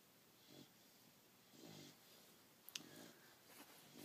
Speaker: out cold and snoring on Daddy's pillow. Nighty night, Bullet.